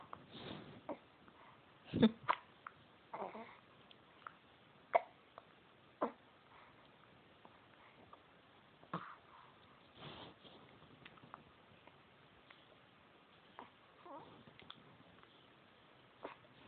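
Brief, sudden, irregular catching sounds in a quiet room, about 20 a minute, with faint background vocal sounds. These are hiccups.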